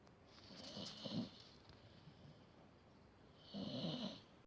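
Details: Dog snoring: two soft, breathy, rattly breaths with a hiss, separated by a quiet pause; gentle snoring.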